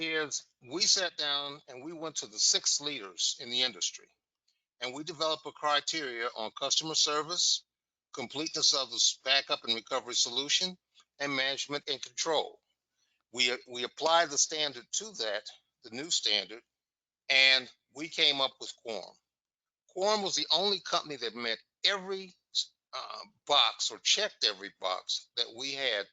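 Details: Adult male speaker; Normal speech.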